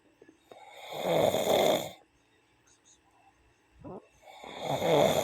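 Two loud, rough snores on breathing in, separated by a quiet pause with a faint breath; ordinary snoring.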